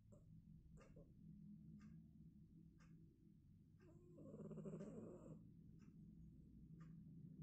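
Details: Cat snoring: soft, rhythmic snuffling snores over a low steady hum, with one longer rattling snore partway through.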